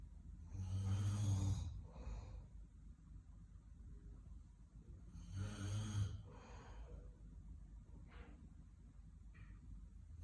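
Two deep, rattling snores about five seconds apart, each with a softer follow-on breath; loud low-pitched snoring.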